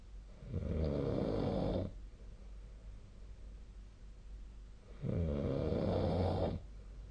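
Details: Sleep snoring recorded with the SnoreLab snoring app: two long, coarse, rattling snores on the in-breath separated by quiet pauses, in a still room.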